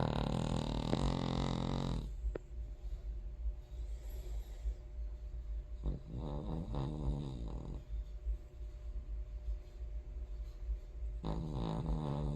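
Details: King Charles Terrier, a small dog, snoring: deep, rattling snores about 11 breaths a minute with quieter breathing between, loud snoring.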